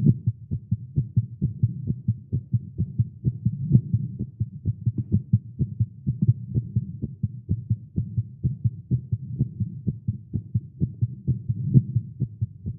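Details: Male, exercising with caffeine; tagged irregular heartbeat. A rapid, strong thumping heartbeat at roughly 128 beats a minute, somewhat uneven in spacing: a fast heartbeat.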